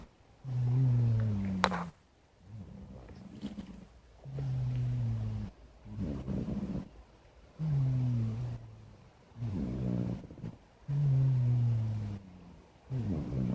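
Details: Sleeping black cat snoring, sound only: deep, drawn-out rumbling snores alternating with softer breathy out-breaths, roughly 9 breath cycles a minute.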